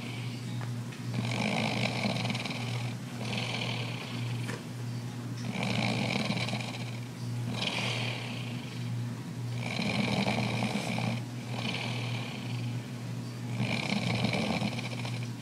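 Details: A sleeping adult snoring: rough, rattling snores repeating steadily at about 15 breaths a minute over a constant low hum.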